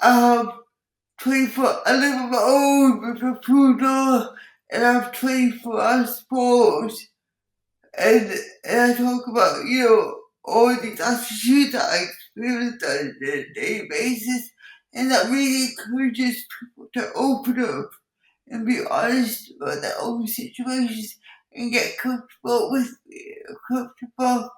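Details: Speech impairment in an adult woman with cerebral palsy, who also has involuntary movements and uses a wheelchair.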